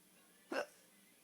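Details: A single short, abrupt voiced hiccup in a quiet room from a reportedly drunk person; hiccup.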